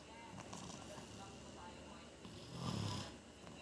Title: I don't snore ,I just dream I'm a motorcycle 🤣🤣